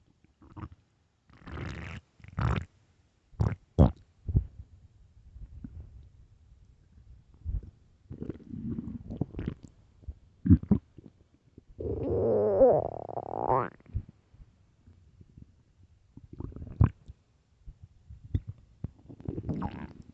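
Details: Loud stomach gurgles and rumbles with a long rising squeal from a famished, hungry stomach: borborygmi, ordinary hunger growling.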